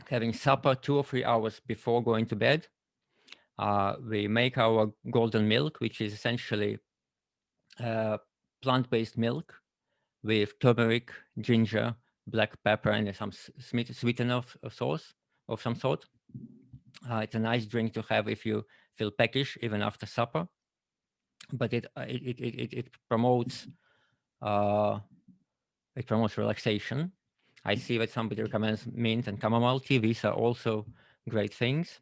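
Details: Adult male with tongue cancer five years earlier, tongue no longer as it was; articulation disorder after tongue cancer (glossectomy-type speech).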